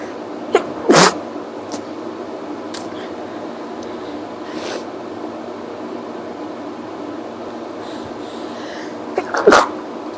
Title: Pepper makes me sneezy, sniffly & my nose hurt!